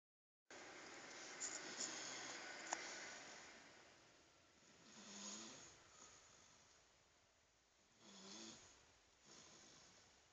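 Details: Soft, low snoring breaths about every three seconds under a steady hiss, with a few clicks early on; quiet snoring.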